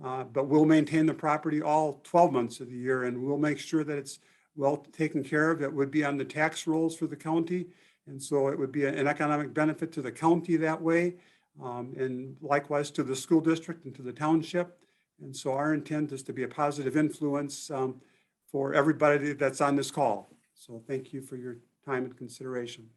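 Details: Adult man speaking; typical voice.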